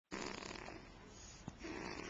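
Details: Rough, rattling breath noise throughout with one snort near the middle; snoring, recorded on a Flip Video camcorder.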